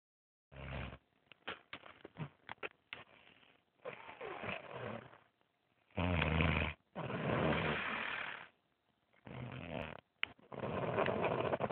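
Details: Snoring: rough snoring breaths of uneven length and loudness, some with a deep rattling flutter, separated by short silences, recorded on an Android phone.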